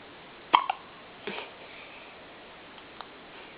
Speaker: Are you okay, baby? Oh. Are you okay? Poor thing. Poor thing, your hiccups.